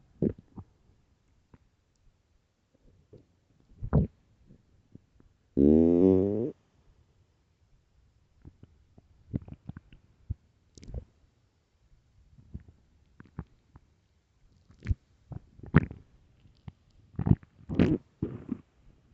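Loud, long gurgling growl with scattered bubbling pops and rumbles; stomach growling from an empty stomach, a normal bowel sound.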